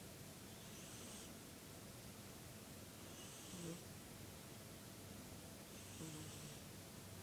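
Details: An orange cat snoring.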